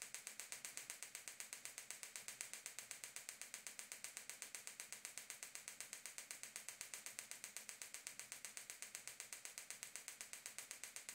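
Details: Gymna Shockmaster 300 extracorporeal shockwave with a 15 mm focused head and ultrasound gel, at 3 bar, 8 Hz, 2000 shocks, to the proximal plantar fascia origin at the heel for plantar fasciitis/bony heel spur; rapid steady train of sharp clicking pulses.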